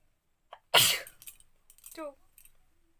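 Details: A short in-breath, then one loud explosive sneeze, followed by soft sniffs and murmuring; sneezing induced by a woman with paper in a sneezing challenge.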